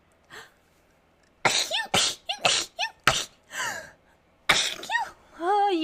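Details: Several sharp, explosive sneezes in quick succession, each with a squeaky tail, amid background music and chatter; sneezing.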